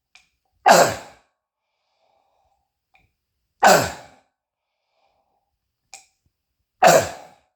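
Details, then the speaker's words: Adult self-recording a loud cough said to be diagnosed by the family doctor as croup, with bronchitis and a tickle in the throat; three loud, harsh, explosive, barking, seal-like coughs about three seconds apart, echoing off walls: croup cough. "so you see how loud and annoying that is so with my anxiety I get paranoid because I hate it when I cough like that because I don't want to disturb my neighbors but I'm not doing it on purpose I'm coughing because I got something irritating me in my throat"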